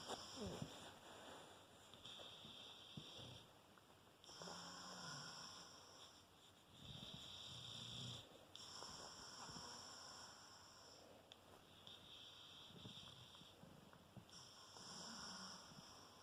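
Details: Rottweiler dog snoring in sleep: soft, irregular snorting snores against loud steady background noise.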